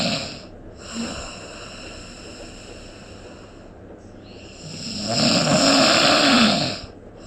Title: snoring sound effect